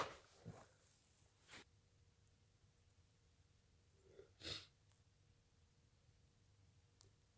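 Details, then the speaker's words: Person with a cold: soft sneezes and snorts in a quiet room, one louder sneeze near the end; sneezing from a cold. "Oh, bless me. I need to sneeze. I need to sneeze. Bless me. I need to sneeze again. Bless me."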